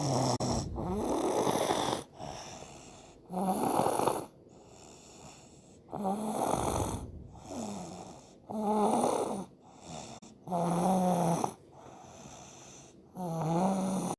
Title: My 1 year old snoring like a grown man😂😂